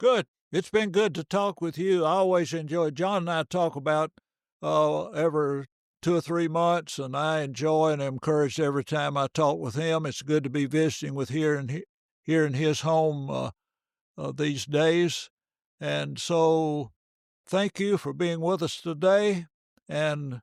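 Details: Adult male speaker; ordinary speech.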